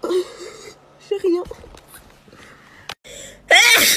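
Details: Girl sneezing, possibly allergies or sinuses: breathy build-up sounds followed by a loud sneeze at the end, with quiet room noise; sneeze.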